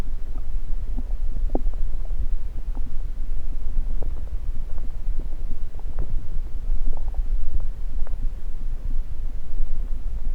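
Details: A person holds a stethoscope on various parts of their own belly. Low rumbling with scattered brief gurgles and clicks sounds over steady low noise: ordinary bowel sounds.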